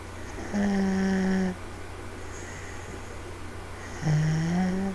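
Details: Two-year-old girl snoring while fast asleep on a parent on the couch: two smooth, humming, tonal snores about three and a half seconds apart over steady room hum; gentle snoring.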